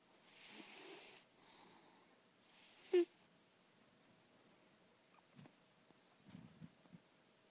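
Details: Senior lilac point Siamese cat, overweight but in good health, lightly snoring while asleep: two soft, airy hissing breaths followed by faint small snorts in a quiet room.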